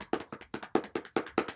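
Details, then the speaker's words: Demonstration of chest percussion on the upper back working down toward the main bronchus: rhythmic hollow clapping, about eight cupped-hand strikes in under two seconds; airway clearance cupping. "So for this one, you cup your hands, and you're kind of going to make a cupping noise, essentially, on your patient's back."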